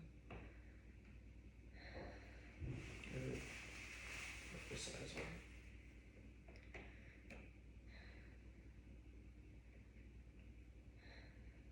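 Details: A deep mouth breath heard through a stethoscope placed just above the clavicle over the anterior apical lung during student physical therapist auscultation; clear, normal breath sounds without crackles.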